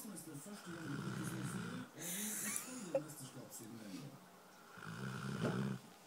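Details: Dogo/Rottweiler dog snoring with eyes open, tired after a two-hour playdate with other dogs: low, fluttering snorts and rumbling breaths with short quiet gaps.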